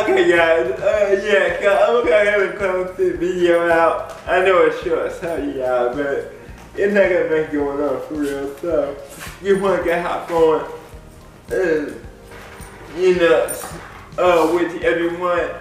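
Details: Dysarthric speech in an adult man with lifelong cerebral palsy.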